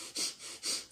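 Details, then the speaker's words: Two quick, forceful hissing breaths through the nose imitating effortful breathing with nasal flaring, shown as a sign of pneumonia; imitated labored breathing with nasal flaring. "a bater asa nasal como se fosse fazer um esforço maior para respirar tá não é tão suave quanto eu fiz"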